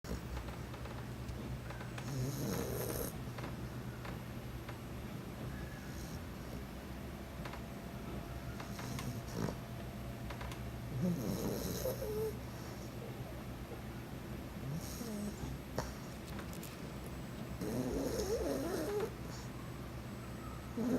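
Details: Staffordshire bull terrier sleeping soundly, snoring like a grown man with soft irregular snores, snorts and faint whimpers while dreaming and twitching its paws; snoring.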